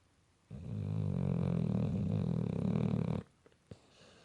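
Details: Pit bull dog snoring, natural unenhanced sound: one long, deep, vibrating snore lasting about three seconds, followed by quiet snuffles.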